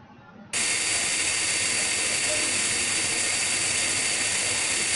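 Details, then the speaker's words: Loud steady high-pitched whine with air hiss: high-speed dental drill with fissure bur held perpendicular to the occlusal plane, cutting the cavity outline along the fissure of a lower first molar, Class I amalgam preparation. "the B is held also perpendicular to the oclusal plane inside one of the holes and then we move it along the fissure to the other hole"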